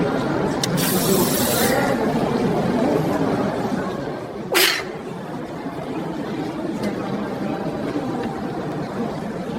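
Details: AI-generated (Sora2) recording: a single sharp, explosive sneeze burst from an exhibit playback, over steady room noise and crowd murmur; simulated sneeze.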